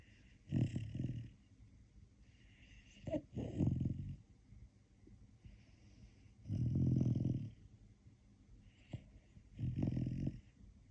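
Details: Snoring: low, rattling snores on each breath, about four in ten seconds, with a brief snort between.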